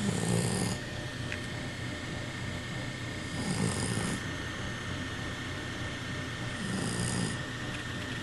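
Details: Fat Puggle dog snoring: rough, fluttering breathing noises repeating about every three seconds, roughly 20 breaths a minute, over steady room hum.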